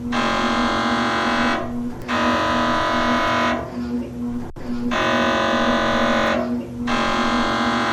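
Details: MRI scanner noise sound effect: loud, repeated buzzing tones in long blocks separated by brief pauses, typical of MRI gradient noise.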